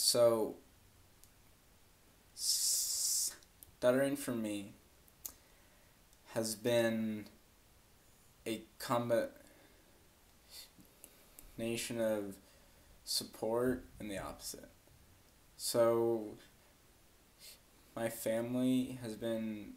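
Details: Adult woman who has stuttered since about age four; blocks are her main difficulty, alongside repetitions and prolongations; stuttering (blocks and prolongations).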